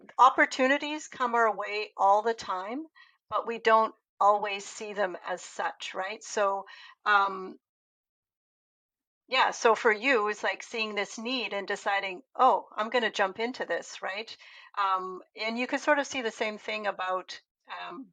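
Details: Adult woman speaking; typical speech.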